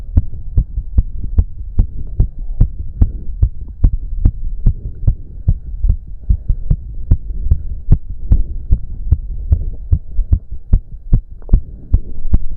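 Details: A male's fast, strong, regular heartbeat during an intense cardio workout he cut to 15 minutes, with heavy breathing and a low hum; he reports it was close to 200 bpm; exercise tachycardia.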